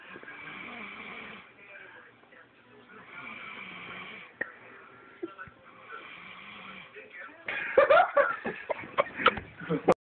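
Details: Person snoring after prom: repeated rough, vibrating breaths about every three seconds, then a louder clattering noise near the end; snoring.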